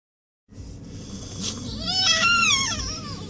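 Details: Infant crying, a high, wavering cry rising over steady low room noise, while someone else snores nearby; infant cry.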